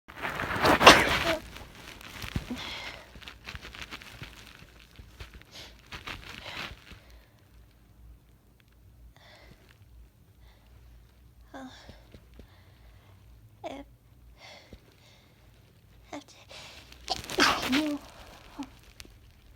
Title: Teasing sneezes